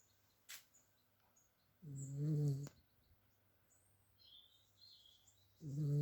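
Two low, rough, droning breath sounds a few seconds apart, with faint bird calls behind; snoring in a sleeping dog.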